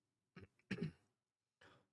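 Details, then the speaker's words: Hoarse adult man with a plugged nose and itchy throat who took an antihistamine, a cigar smoker: three short, low, rough throat-clearing bursts. "Get a little bit itchy throat, but shouldn't be too much of a problem. Because whether or not I smoke, I'm gonna get this itchy throat."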